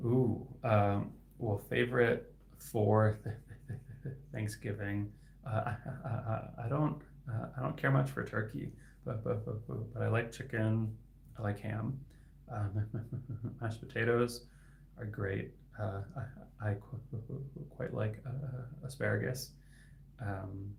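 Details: Adult male speech-language pathologist who stutters; his stuttering is inconsistent, sometimes with words stuck for about 15 seconds; stuttering.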